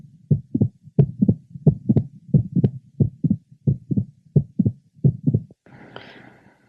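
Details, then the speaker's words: 40-year-old woman with mitral valve prolapse, heard at the apex: regular heartbeat near 88 a minute with several sharp mid-systolic clicks. "a 40-year-old woman with mitro valve prolabs we're listening at the Apex she has several midsystolic"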